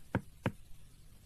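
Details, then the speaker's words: Two sharp hollow knocks like knuckles on a door, a cartoon doctor tapping a shirtless boy's back after he turns around, in an animated comedy; the boy complains the doctor knocks as if on a door. "எதுக்கு கதவை தட்டுற மாதிரி தட்டுறீங்க? டக்குன்னு ஜுரம் போனும்னு இப்படி டக்கு டக்குன்னு தட்டுறீங்களா doctor"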